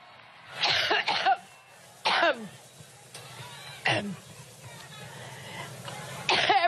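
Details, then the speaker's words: Repeated harsh coughs in quick clusters with throat clearing from an adult woman during a speech to supporters, so severe she could barely continue; she attributed it to allergy; coughing fit. "президентская гонка похоже окончательно подорвала здоровье экспер Леди США во время выступления перед сторонниками в Кливленде так сильно закашлялась что с трудом смогла продолжить речь"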